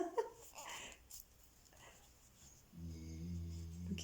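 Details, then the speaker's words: Sleeping labrador napping after a morning walk: soft rustling and faint room noise, then a sustained low, rumbling snore with a fluttering buzz. "si vous entendez ronfler c'est mon labrador en fait je crois qu'il vit sa meilleure sieste après la balade de ce matin"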